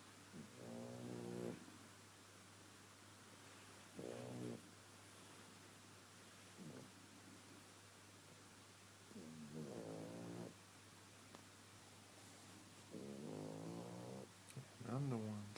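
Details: Pet napping while TV is on, with a snoring problem, eventually snoring louder than the people: intermittent low rattling snores on inhaling, separated by quiet pauses, over steady low room hum.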